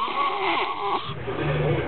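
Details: Rough, rattling, nasal sound on breathing in; snoring.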